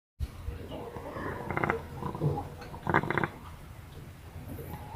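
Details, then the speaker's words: Rattling, snoring-like breathing from a brooding hen: two short, harsh, grunting rattles over low background noise, fitting noisy, congested breathing. "lagi angrem nih ngorok nanti kita obati pakai Obama"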